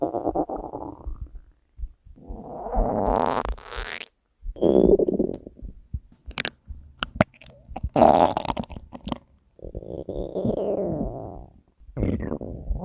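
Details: Hunger stomach growling (borborygmi) from the uploader's own stomach: long gurgling, rumbling and squeaky growls from an empty stomach; ordinary hunger bowel sounds.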